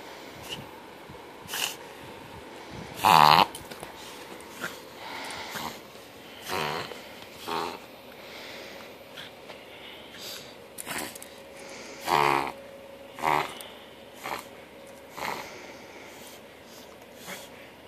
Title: Luna the pug reverse sneezing